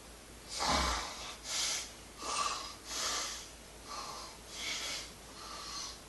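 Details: Snoring: repeated snorting, rasping breath noises about one per second, slightly irregular.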